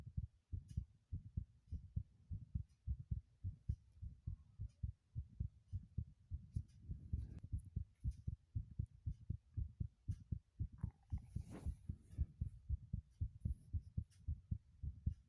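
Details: Strong, regular deep thumps of a heartbeat, roughly 115 beats a minute if each thump is a beat, with faint rustling in the background; intense heartbeat sounds.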